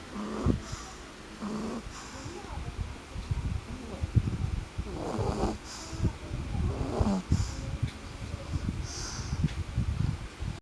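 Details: Person snoring: irregular, low, snorting snores with breathy rattles about every second or two over room noise; ordinary snoring.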